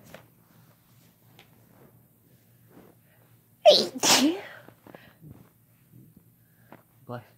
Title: Kissing while having a sneezing fit (F+M)